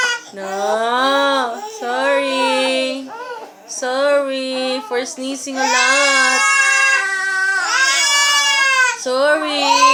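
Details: Infant crying after the mother's repeated sneezing: loud, high-pitched wailing in repeated bursts, with an adult voice briefly in the background.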